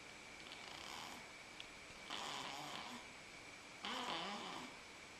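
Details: Snoring while asleep on a father's lap: two raspy breath sounds against steady background hiss.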